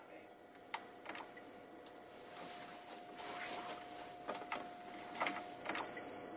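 Two steady, high-pitched pure tones, each lasting one to two seconds, over faint room sounds and soft clicks: hearing-test tones from play audiometry.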